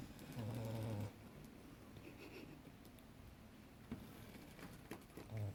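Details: A three-year-old female English Staffy asleep gives a low, rumbling snore, then breathes noisily, with a second snore starting at the end; ordinary dog snoring.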